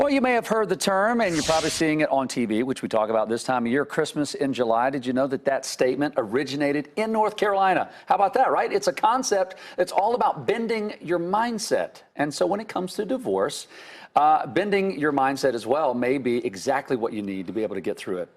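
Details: Adult speaker; normal voice.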